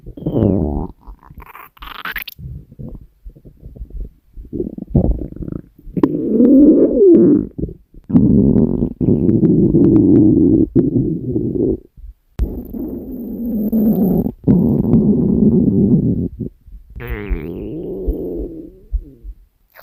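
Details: Long, low, gurgling and groaning stomach rumbles with brief squeaky bursts; stomach growling.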